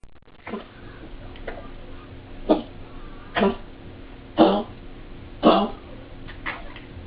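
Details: Dog with Bordetella infection giving a series of harsh, honking coughs; kennel cough (Bordetella).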